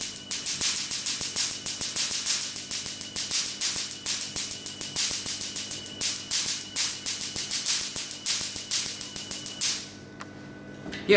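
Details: Q-switched Nd:YAG tattoo removal laser set to a higher frequency, firing rapid sharp snapping pulses at about six to seven per second for about ten seconds, then stopping.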